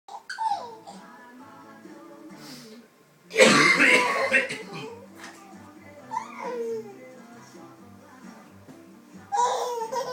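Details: An adult man, the baby's father, coughs loudly over background music while his 11-month-old baby girl giggles and babbles around it; cough.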